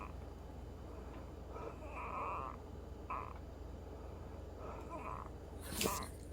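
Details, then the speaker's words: Sister, calmed after being nervous, still wheezing loudly more than an hour later, at 11:19 pm: high, whistling musical tones coming and going with breaths over steady room hum. "Okay, my sister's not nervous anymore, but she's still wheezing really loud."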